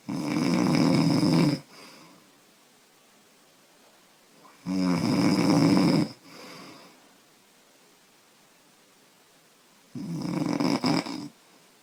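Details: 25-year-old woman with heavy snoring, who says she snores loudly after drinking beer: three loud, rattling snores on breathing in, with quiet breathing out between, about 13 breaths a minute.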